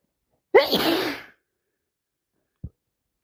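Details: Day two of a heavy head cold with much sneezing, sniffing and nose blowing: a single loud, explosive sneeze with a sharp intake and noisy burst, then a brief faint sound afterward.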